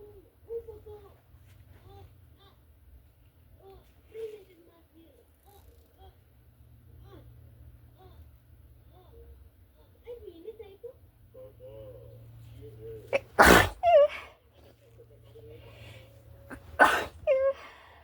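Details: Two forceful, explosive sneezes from a girl near the end of the clip, with a cartoon playing quietly in the background.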